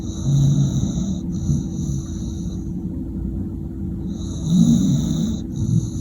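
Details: Pit Bull dog asleep: low rumbling snores, about two breaths in six seconds, with a steady electrical hum and faint high tones behind; snoring.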